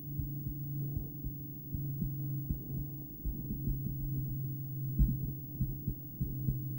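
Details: Adult female heart recorded by stethoscope during breath-holding play, not an ideal chest spot, with cardiac ultrasound: low thumps in paired groupings, occasional longer pause, over steady hum; intermittent bigeminal rhythm.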